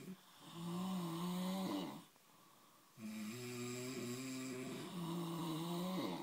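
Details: Ordinary heavy snoring from roommates: loud, droning, strongly tonal snores in long breaths with brief quiet pauses between them.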